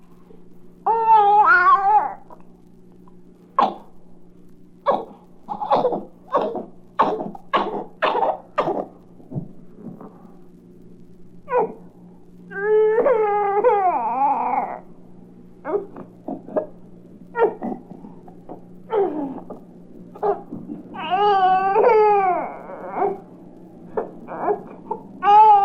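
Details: Infant with a cold: snuffling and wet cough, from a 1967 recording of baby sounds for expectant and new parents.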